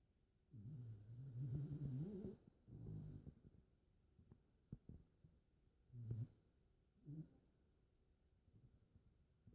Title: Eskimo Snore Champion